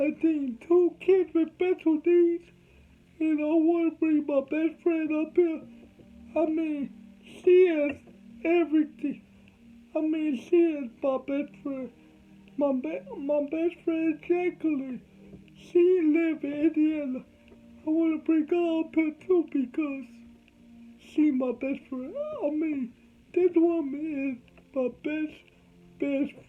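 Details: Adult man with cerebral palsy from birth, whom doctors said would never talk; dysarthria in cerebral palsy.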